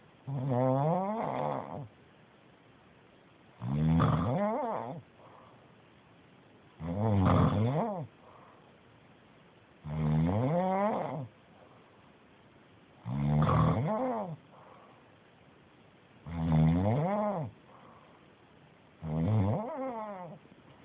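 Seven evenly spaced rough, rattling snores at about 19 breaths a minute, with quiet pauses between them: steady snoring.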